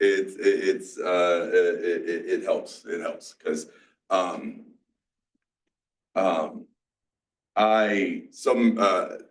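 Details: 47-year-old man with mixed Broca's and Wernicke's aphasia after a massive stroke 6 years ago, with onset in his 40s. He also has strokes and seizures, had to relearn to talk, and still has word-finding blocks. Finding: aphasia (mixed Broca's and Wernicke's).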